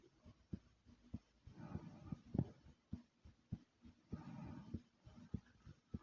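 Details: Person recording their own loud normal heartbeat: steady low thumping at about 100 beats a minute, with bursts of rustling noise.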